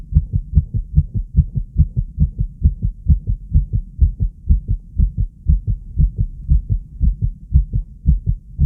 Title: Heartbeat sound (fast) subj.-b1